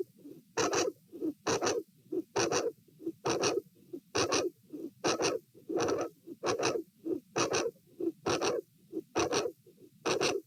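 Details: Heart auscultation at position A, patient lying, sitting and standing, dilated aortic root: regular heartbeat near 67 a minute with a very loud mid-to-late systolic aortic vascular click and murmur at S2.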